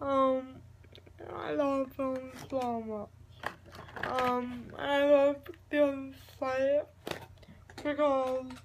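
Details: Adult speaker; speech in cerebral palsy (dysarthria).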